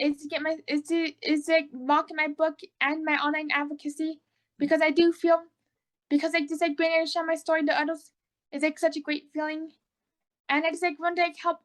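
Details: Adult autistic woman with oral motor apraxia, recently diagnosed bipolar, repeating words and phrases; apraxia of speech.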